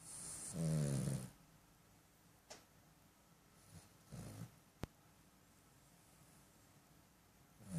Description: Cavalier King Charles Puppy Snoring!